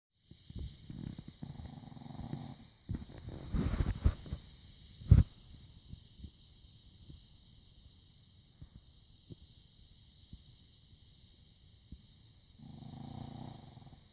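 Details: Sleeping dog snoring: soft, low rumbling snores at the start and end, with rustling and a knock in between.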